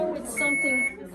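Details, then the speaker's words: Steady high electronic alarm tone for about half a second from an IV infusion pump in a teaching demonstration, tubing deliberately clamped to show an occlusion alarm on the fluid side. "now what is it saying fluid side so if it says occluded fluid cycle you know"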